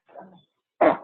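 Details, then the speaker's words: A dog settling beside her owner sneezes, typically about 8 in a row: a faint soft huff, then one sharp, explosive nasal burst. "That's my dog. She's settling with me, and she was sneezing. She does like 8 in a row"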